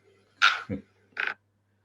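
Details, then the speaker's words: Sleep bruxism (teeth grinding) recorded by a patient during sleep, heard as two short, harsh grating bursts with a brief low grunt between them. "now i want you to listen to this this is how bruxism or grinding of this during a sleep okay this recording is shared to me by a patient it's very eerie isn't it"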